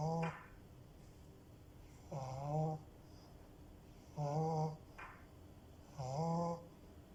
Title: Cute french bulldog snores!!! The cutest... #puppy #blu